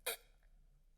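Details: A person with an ongoing jaw problem that pops and locks makes an audible click while moving the jaw: temporomandibular joint click.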